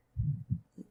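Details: The person's own heartbeat, recorded for ASMR listening: low, soft thumps, about two beats in under a second; normal heart sounds.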